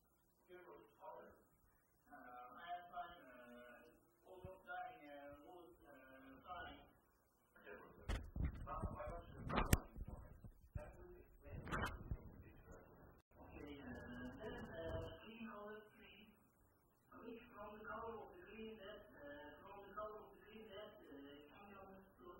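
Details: Recording of a man with Wernicke's aphasia who speaks fluently without making sense and is unaware of his errors; Wernicke's (fluent) aphasia.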